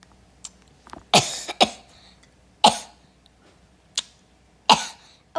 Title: Drawing a golden frog for just about no reason. (Don’t mind me coughing at the start)